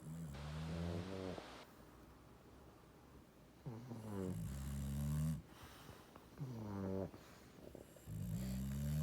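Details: Snoring during sleep: slow, loud, rattling snores on each breath, about 15 a minute, with quiet pauses between.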